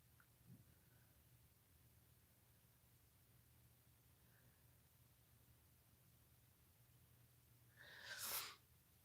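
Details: A quiet room, then one sharp, forceful sneeze near the end from an adult with a cold who feels foggy and is taking over-the-counter decongestants, vitamin C and Flonase.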